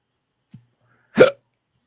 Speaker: I'm too drunk, and I got the hiccups.